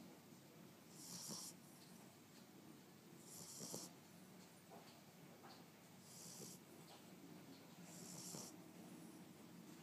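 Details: 8-week-old Boxer puppy snoring after first day in new home: rhythmic snores with a harsh hiss on each breath, about four breaths in ten seconds.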